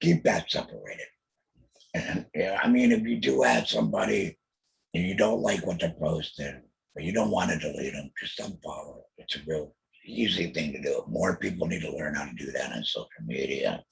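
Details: Throat cancer diagnosed 2020, treated with total laryngectomy, chemotherapy and radiation; alaryngeal speech after total laryngectomy.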